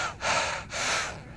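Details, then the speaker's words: Male asthmatic with a cough, in which he has constant asthma and feels weak, while playing a video game: two loud, heavy, rushing breaths close to the microphone; laboured breathing. "Und ihr hört vielleicht mein Schnaufen, hört mal."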